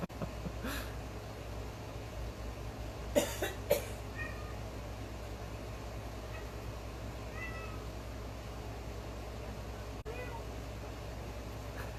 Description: our Cockatoo can cough just like us.